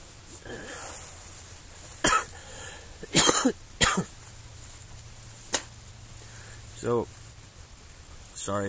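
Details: Adult on the third day of severe flu with high fever, camping outdoors: several short, harsh hacking cough bursts with throat clearing and a few brief voiced sounds in a quiet space; a productive cough.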